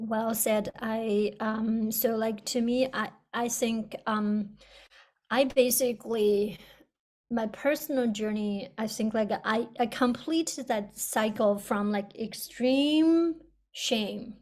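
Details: Person who stutters, speaking on a panel about stuttering therapy; audible word and part-word repetitions; stuttering.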